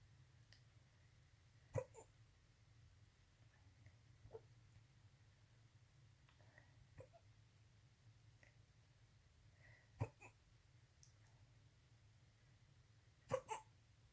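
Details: Night-time, a few brief, abrupt catches at irregular intervals in a quiet room: hiccups.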